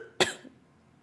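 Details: Female streamer: one sharp, explosive cough with a brief trailing breath; cough.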